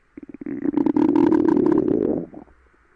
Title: Stomach Growling